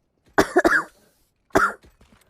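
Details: Girl with a cold who says she is coughing a lot, while live-streaming a video game: a quick pair of harsh coughs, then a single cough after a pause, three in all, cough due to a cold.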